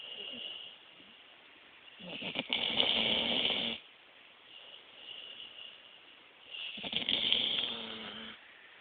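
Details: Dog snoring: two long, rough, rattling snores about five seconds apart with quieter breathing between them, in sleep.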